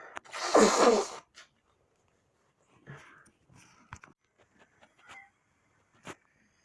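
One loud, explosive sneeze with a sharp intake before it, followed by quiet breathing and small room noises.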